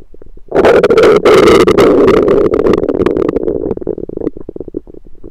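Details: Own abdomen recorded with a USB stethoscope: loud, prolonged gurgling rumble fading into softer bubbling; ordinary stomach rumbling (borborygmi).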